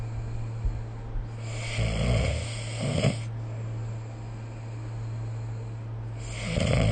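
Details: Snoring recorded during sleep with the SnoreLab phone app: rough, rattling snores on breathing in, with a steady low room hum.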